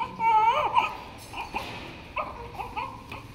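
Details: Newborn baby boy's first cry, birth weight 2.76 kg: short, wavering wails in a quiet room.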